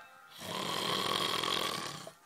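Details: Man asleep in a pitch-black camping hut in a Scottish forest, keeping others awake all night: one long, loud, harsh rasping snoring breath lasting about two seconds. Snoring.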